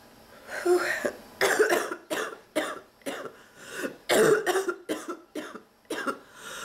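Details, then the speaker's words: Adult woman, sick and fighting off an illness, back hurting from coughing, trying to hold it back; run of about ten harsh, barking coughs with brief gasps between; persistent coughing fit. "everything um oh my God I'm trying to hold it back"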